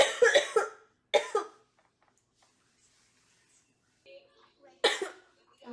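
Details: Several short, harsh coughs in two bursts from a girl, then a quiet pause and one more cough; plain coughing.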